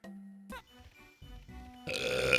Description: Some great burps from him as usual, enjoy!!!